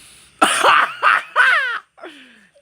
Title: Ciri khas batuk